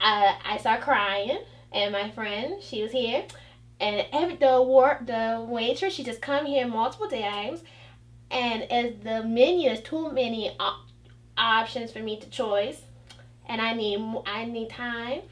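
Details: 29-year-old woman after a stroke, initially misdiagnosed with conversion disorder, with difficulty pronouncing and understanding words; aphasia with foreign accent syndrome.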